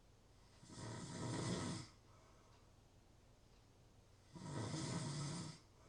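Two long, rough, buzzing snores about three seconds apart with quiet breathing between; snoring during sleep.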